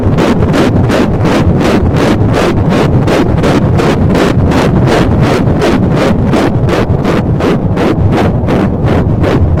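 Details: Rapid, regular whooshing fetal heartbeat on Doppler at 7 weeks 5 days of pregnancy, roughly 170 a minute; compared to a train versus horse hooves.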